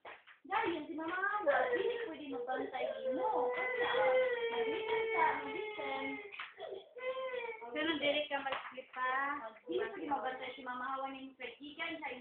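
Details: Young child crying in long wailing bursts with brief catches of breath, upset at wanting to stay at a relative's house, in a small room with faint background noise.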